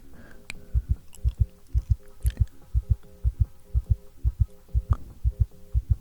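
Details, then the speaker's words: Simulated: regular paired heart thumps at about 120 a minute through a stethoscope in an acted ASMR doctor roleplay of a patient who was shot, lost consciousness and was defibrillated; called quite fast: tachycardia. "Oh, your heartbeat is a little fast. That's quite fast, actually. I mean, I guess that is to be expected, though."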